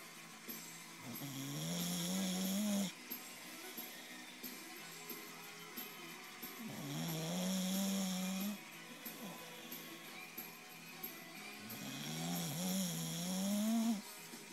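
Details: Bulldog asleep in bed snoring loudly: rasping snores with a droning, rising pitch on each in-breath, about three in 15 seconds, quieter out-breaths between.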